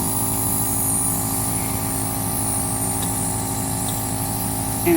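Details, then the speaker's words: Nebulizer compressor running continuously during a nebulizer treatment for kittens in a cage, with a steady, loud mechanical hum and buzz as steam comes out. "I'm going to turn it on it's plugged in I'm sure you can't see it on the video necessarily but there's a steam that's coming out"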